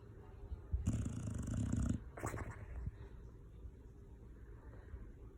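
A loud, rough, rattling snore lasting about a second, followed by a shorter snort-like breath and then quiet breathing.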